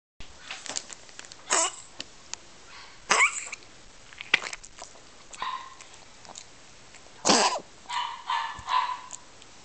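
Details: A dog coughing, recorded 9/28/09, with several short, harsh bursts separated by quiet pauses; the owner asks whether Medicam didn't help at all.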